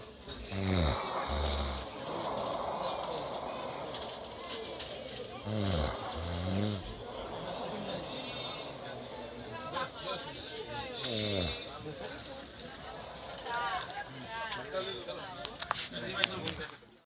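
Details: Loud, rough snoring breaths, about 12 a minute, with music and voices in the background; snoring.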